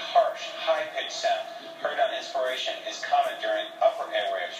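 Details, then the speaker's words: Harsh, high-pitched noisy breathing in repeated cycles: stridor, an upper airway obstruction; teaching example of abnormal breath sounds. "C is an example of an upper Airway obstruction commonly found in young children and is usually associated with a seal like barking cough"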